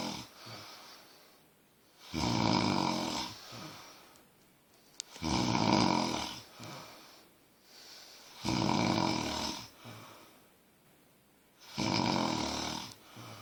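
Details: Roommate snoring during sleep: loud, rattling snores on each in-breath at about 18 breaths a minute, with quieter out-breaths between; steady snoring.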